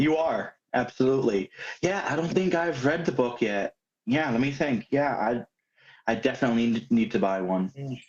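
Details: Adult male speaker; ordinary speech.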